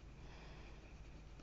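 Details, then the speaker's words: Pet snoring heard in the background of a horse-drawing video. "take this round people coming over videos as a minute video of a pet snoring that is the reason why you can hear snoring in the background"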